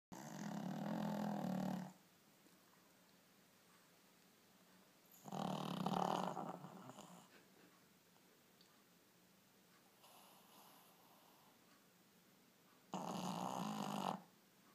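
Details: Slow, rough, buzzy snores every five to seven seconds, one much fainter, with quiet breathing between, from a Shih Tzu puppy sleeping in a person's arms; loud snoring.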